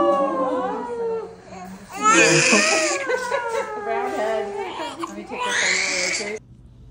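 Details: Strong, rhythmic first cries of a newborn delivered by emergency c-section after induced labour; clear, high, wavering wails with short breaths between, faint room sounds.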